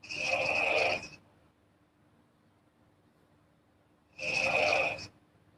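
Two breathy, rasping breath sounds about four seconds apart, with quiet pauses between them, consistent with snoring.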